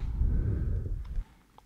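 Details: Soft, low breath sounds heard through an Eko electronic stethoscope on the back of a standardized patient taking deep breaths in and out through the mouth; the overlaid sound is edited: normal vesicular breath sounds.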